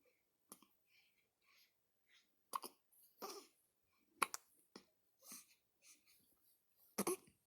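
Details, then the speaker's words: 1-week-old baby with hiccups: repeated brief, sharp hiccup sounds at irregular intervals, some in quick pairs, with soft breathing between; newborn hiccups. "Hiccups. 1 week old today."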